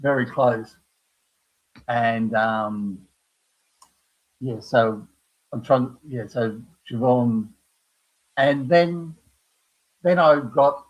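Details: Adult man with aphasia after a stroke at age 58, caused by a blood clot from his heart, following a severe heart attack and quadruple bypass; knows what he wants to say but cannot find the words; aphasia.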